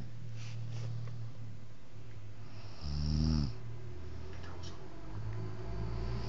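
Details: Sleeping baby: soft, steady breathing, then one louder, rumbling snore on a single breath: snoring.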